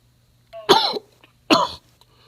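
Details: Two harsh, wet-sounding cough bursts after a brief vocal sound, an acted coughing fit during a phone call by a man getting over bronchitis; faint background hum.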